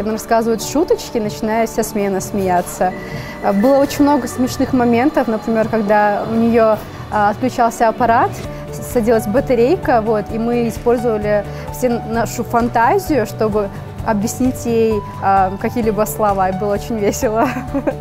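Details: Adult woman speaking Russian; typical speech.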